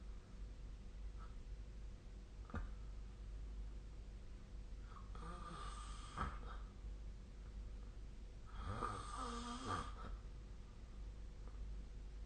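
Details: Snoring during sleep recorded with the SnoreLab snore-tracking phone app: two rough, rattling snores on in-breaths against a low steady room hum.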